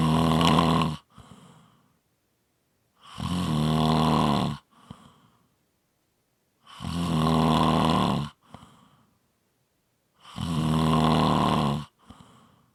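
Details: Loud rattling snores on each breath in with quiet breaths out between, about 17 breaths a minute; ordinary snoring.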